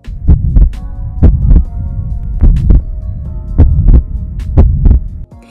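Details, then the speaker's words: Young unconscious, intubated ICU man on life support with arm track marks (suspected IV drug use), high fever and high white cell count: loud new heart murmur heard on auscultation, suspected infective endocarditis. "i can clearly see track marks on his arms and i suspect that he's been using iv drugs listening to his heart i hear a loud murmur"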